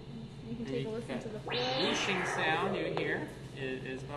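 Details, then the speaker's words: Anesthetized spur-thighed tortoise during its annual exam: Doppler flow signal of the heart, a long pulsing whoosh, slow and regular. "So you can't truly hear like a murmur on a Doppler flow, but you can listen for the rhythm, make sure that the rhythm is nice and normal. And you can see if there's like a lot of turbulence that might make you more concerned."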